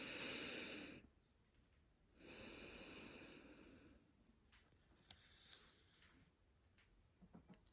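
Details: Lung auscultation by stethoscope at the chest as the patient breathes deeply: two deep, soft, breathy airflow cycles with no wheezes, crackles or stridor, normal breath sounds.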